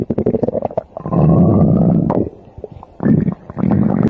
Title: Stomach growl video part 2 sorry for saying I can’t make a part 2